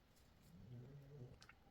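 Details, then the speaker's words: Dog snoring: a female dog snoring quite loudly while sleeping, heard as a quiet, low rumbling breath with faint tapping in a small room. "I don't know if you can hear my dog snoring, but she's snoring quite loudly."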